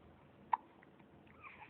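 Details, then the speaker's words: A single sharp, brief hiccup catch against quiet room noise during a bout of hiccups. "Oh hiccups oh we got the hiccups"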